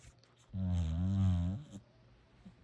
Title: Adorable and Hilarious Sleeping, Snoring Puppy #pitador #funnydogs #doglife